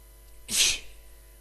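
A single sharp, hissing burst of air lasting under half a second, typical of one sneeze.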